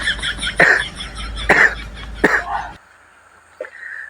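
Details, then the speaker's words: Three harsh coughs about two seconds apart over Hindi/Chhattisgarhi speech from an adult vlogger with a cold and cough together, voice changed and deeper, just after bathing; cough. "और अब तयत थोड़ा down लगत है की सर्दी और खांसी एक साथ हो गए"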